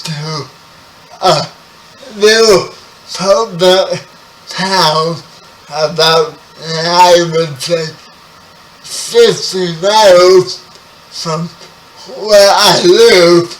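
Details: 30-year-old man with spastic quadriplegic cerebral palsy, born 11 weeks premature; speech affected by the condition; dysarthria (cerebral palsy).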